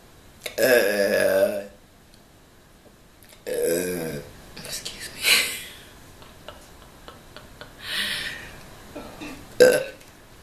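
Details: Deliberate burping during a mukbang after eating a 12-inch Subway steak and cheese sandwich, jalapeño chips and drinking water: three long, deep, rumbling belches with pauses and soft mouth noises.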